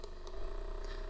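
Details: Steady low motor hum with a fast buzzing pulse from an AchedAway percussion massager running at level 2, about 1900 strokes a minute.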